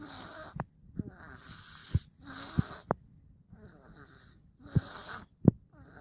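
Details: An infant snoring during sleep: noisy, hissing breaths at a steady rhythm, broken by soft snorts and clicks.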